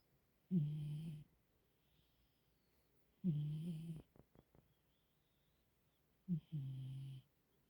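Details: Snoring in a sleeping pet cat: three slow, low, buzzing snores about 3 seconds apart, with a quiet room between them during a peaceful snooze.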